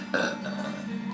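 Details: Deliberate burp in a burping contest: a single loud, low, voiced eructation starting abruptly and trailing off over about a second.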